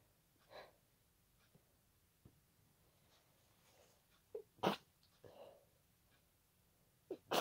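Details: Night-time sneezing attributed to pollen, with congested nose, watery eyes and nasal tickling: a few sharp, wet, sputtering sneezes between soft breaths and sniffs in a quiet room.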